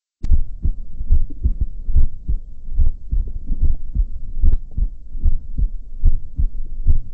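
Regular low lub-dub heartbeats at about 72 a minute, heard through a stethoscope diaphragm; normal heart sounds.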